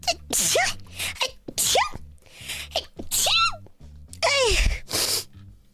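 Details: Weekly VTuber sneeze highlights compilation: a rapid series of loud sneezes, several voiced with squeaky falling cries, over faint background music.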